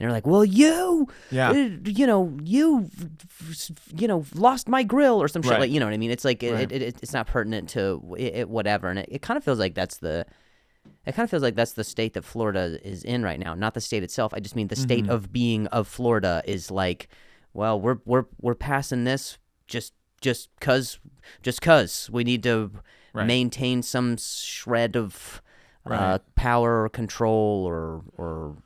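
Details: Comedian who stutters, speaking in a podcast conversation; stuttering.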